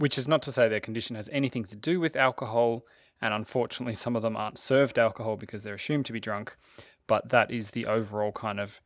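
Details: Adult male narrator; typical speech.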